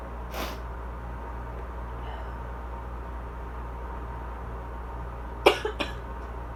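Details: Adult with asthma and allergies, cough described as drier that day: a few short, dry coughs separated by quiet over a steady air-conditioner hum.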